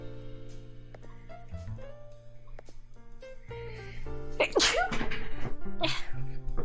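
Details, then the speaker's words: Streamer who said she felt like she had to sneeze: a single loud sneeze with a sharp explosive burst, heard over background music. "[Music] I kind of feel like I have to sneeze a [Music] penguin Elizabeth really likes"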